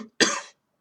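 A single short, harsh cough from an adult, following a brief trailing sound.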